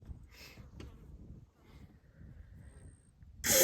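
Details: Person with a stuffy nose sneezes outdoors in Kenya while a lioness emerges from the bushes: outdoor rustling and low rumble, then a sudden loud sneeze burst at the very end, cut off.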